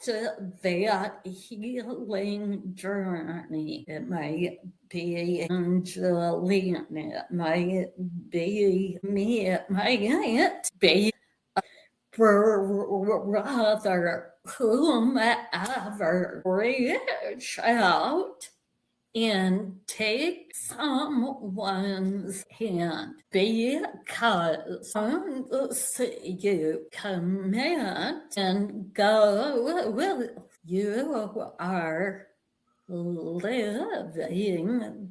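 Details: Vocal tremor in an adult woman, attributed to decades of emotional abuse that eventually manifested as a physical tremor; vocal tremor.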